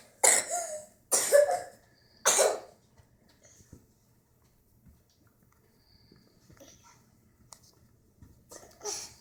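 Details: Child coughing while dancing: three harsh coughs in quick succession, a quiet pause, then a fourth cough.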